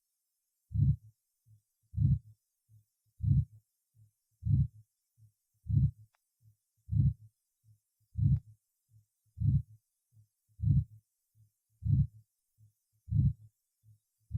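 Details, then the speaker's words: Aortic valve stenosis recorded at the second auscultation point: regular heartbeat near 49 a minute with a loud harsh systolic murmur and weakened, faint second sound. "появление данного шума может свидетельствовать о наличии сужения отверстия аортального клапана или о поражении стенки восходящей части аорты второй тон обычно ослаблен"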